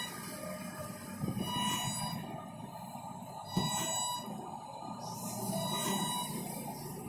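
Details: Emergency portable mechanical ventilator prototype with the respiratory rate set to 30 breaths per minute: rhythmic mechanical whirring and hissing cycles of the ventilator running.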